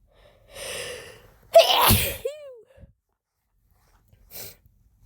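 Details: Breathy intake, then one loud, explosive sneeze, a brief squeaky exhale and a softer burst. Induced on first use of chhinkni sneezing powder, helped by a rolled napkin in the nose: a single forceful sneeze.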